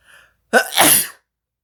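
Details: Sneeze recorded as an April Fool's joke after a countdown, with the person saying their nose tickles and the sneeze possibly put on: a short in-breath, then a single loud, explosive sneeze.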